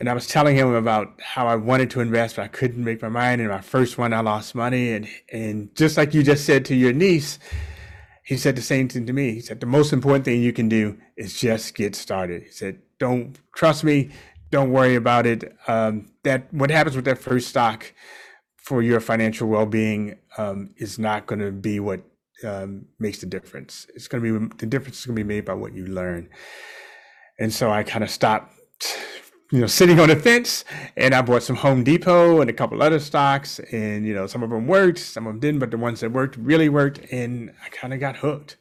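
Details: Adult man; normal speech.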